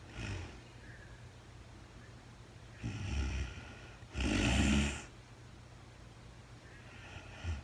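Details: Real-time overnight sleep recording of a very tired woman, part of a four-hour recording: irregular, rough, low rattling snoring breaths with quiet stretches between; snoring during sleep.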